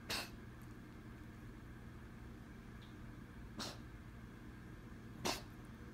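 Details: Coughing from a pet cat.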